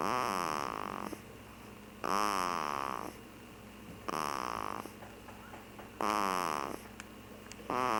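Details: Rhythmic, buzzing snores on each breath, about 30 a minute, with quieter exhales between; ordinary snoring.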